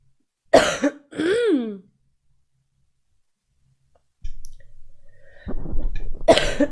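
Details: Female streamer, who says she coughs a lot all night, coughing on a live stream: about four or five harsh, throaty, voiced coughs in two clusters separated by silence; repeated coughing.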